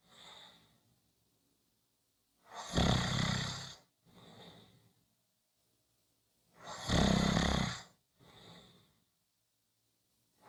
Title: Tuesday Short Snoring Audio